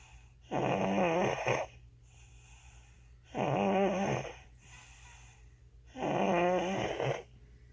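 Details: Baby sleeping: three regular, tonal, slightly whistling snores on breathing in, about 23 a minute, with quiet between them; infant snoring during sleep.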